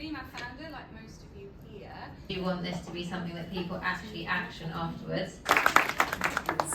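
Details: Adult speaker; normal voice.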